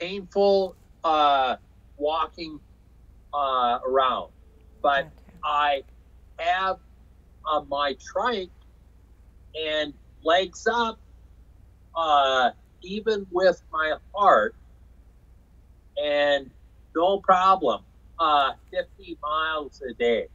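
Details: Aphasia in an adult man after a 2005 stroke caused by hereditary hemorrhagic telangiectasia (HHT); he says he had or still has aphasia and was told he would never talk again.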